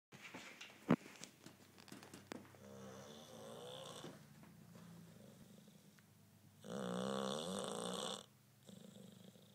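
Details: English bulldog with loud rattling, buzzy breaths in long drawn-out bursts between quieter noisy breathing: snoring.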